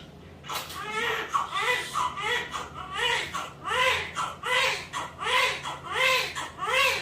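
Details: Newborn's first cry right after a normal vaginal birth, delivered at 9:45: rhythmic, high-pitched crying in repeated bursts, about 80 a minute, a normal, vigorous cry.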